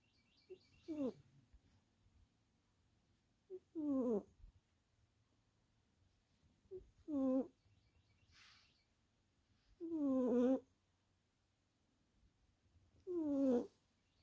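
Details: Sleeping tuxedo cat snoring softly with squeaky snores about every three seconds, roughly 20 a minute, while songbirds chirp in the background.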